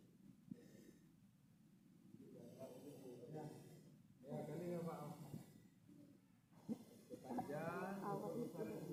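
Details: Patient with snoring and gurgling respirations: rough, noisy breaths with a snoring, bubbling quality recurring every couple of seconds, fitting upper airway obstruction with secretions.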